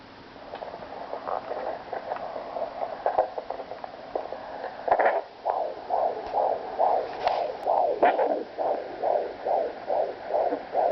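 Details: Fetal heartbeat on a rented home Doppler after a couple of days of fewer kicks than expected: rapid, regular whooshing pulses at about 135–140 beats per minute, heard loud and clear.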